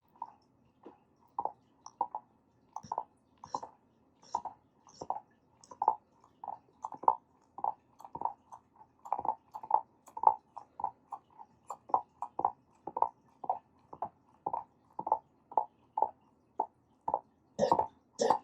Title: Old Dog Making Weird Sounds While Sleeping, Dog Grinding Teeth? Dream Eating? Suckling? Dog Snores